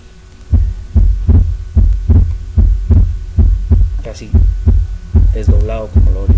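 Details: Regular heartbeat near 74 a minute, heard at the mitral area; the short, higher-pitched second sound is almost split, a normal finding; normal second heart sound, nearly split.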